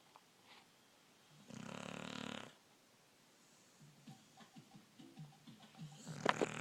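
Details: A 12-year-old male Wheaten Terrier, sound asleep, gives one loud, rattling snore, then softer snuffling breaths.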